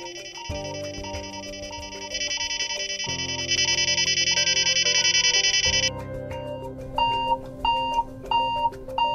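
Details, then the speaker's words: Simulated hospital room with a SimVS nurse call system for training prioritization: overlapping electronic alarm tones and repeating beeps from a bedside patient monitor and a bed exit alarm. "wait that's the patient Monitor and bed alarm that's more important than the diapers that'll have to wait while we handle this first"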